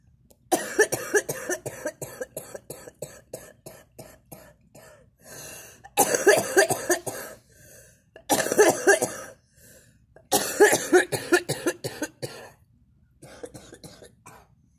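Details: Harsh coughing fits from a girl who is smoking: rapid strings of bursts separated by short pauses and throat clearing.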